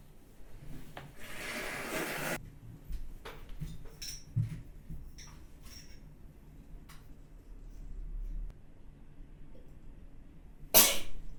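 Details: Kohaku sneezing multiple spraying sneezes: a long, hissing, spraying burst of air, scattered clicks and small bumps, then a second sharp burst, in a quiet room.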